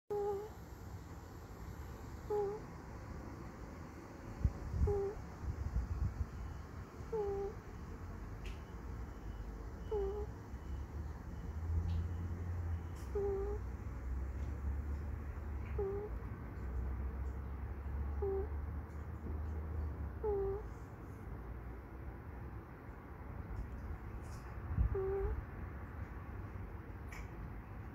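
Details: Sleeping ferret snoring: soft, regular squeaky snores, about 22 a minute, over low room rumble.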